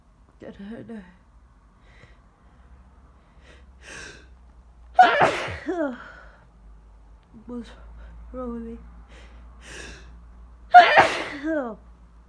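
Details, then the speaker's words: Person who feels they are getting a cold or flu, with aches, sore throat and headache, sneezing all morning: two loud explosive sneezes, each preceded by gasping inhalations, in a quiet room. "I need to. I've been sneezing like this all morning."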